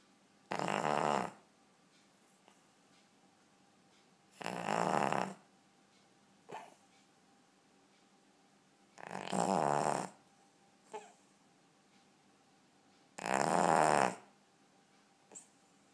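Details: Snoring from a ten-year-old Cavalier King Charles Spaniel: four loud, rough snores about 4 seconds apart, roughly 15 a minute, with faint small snorts between them in a quiet room.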